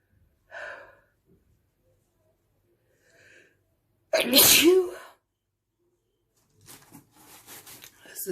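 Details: Deliberate sneezing onto a mirror: two soft preparatory inhalations, then one loud explosive sneeze, followed by quiet breathy exhalation and rustling; a single sneeze.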